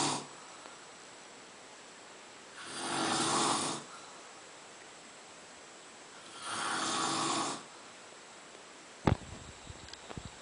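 Two soft, rasping snores about four seconds apart, with a few clicks at the end and quiet room noise between them.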